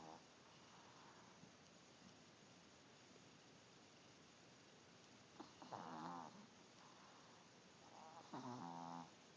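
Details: Overweight chihuahua snoring while asleep, recorded on an Android phone: faint nasal, buzzing snores at intervals against steady background hiss.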